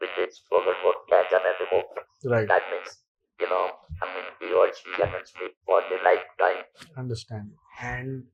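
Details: Male survivor of stage 4 vocal cord (throat) cancer since 1997 (about 10,000 days), who lost his natural voice after surgery; speaks with an electrolarynx device; electrolarynx speech after laryngectomy.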